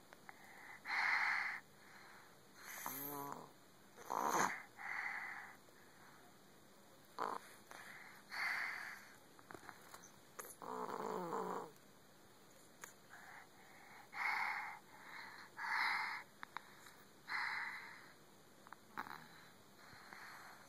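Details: Sawyer, a cat asleep in a lap, snores softly with irregular, airy snorts, a few carrying a brief rattling buzz. Snoring.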